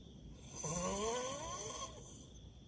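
A single loud, rough, rattling snore with a wavering, almost whistling tone, about a second long; snoring.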